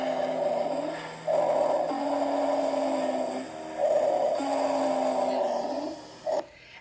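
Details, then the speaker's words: Nursing lung auscultation demonstration of wheezing: steady musical whistling through each breath cycle, heard mostly on exhalation, from tight narrowed airways as in asthma, bronchitis or emphysema; may clear after bronchodilator or corticosteroid. "you can hear it mostly through the exhale"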